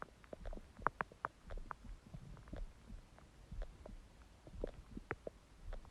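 Soft gurgles and brief bubbling pops from the belly over a few seconds; ordinary stomach growling from an empty stomach, a normal finding.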